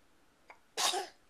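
A single short, sharp sneeze from a young child after a brief faint intake sound; an ordinary sneeze.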